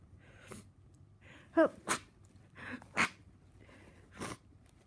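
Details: Several short, stifled sneezes with nasal catches between them, in someone whose nose has been stuffy and blocked today; sneezing has begun.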